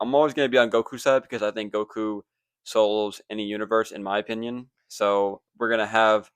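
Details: Adult male speaker; Normal speech.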